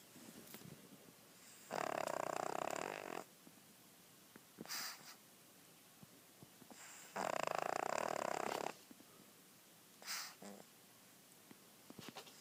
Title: Lucy Snoring